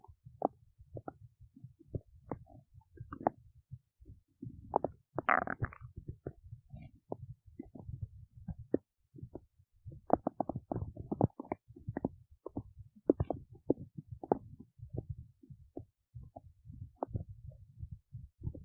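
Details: Adult woman's belly while digesting oats: frequent gurgles, pops and rumbling in irregular bursts. Active bowel sounds of digestion.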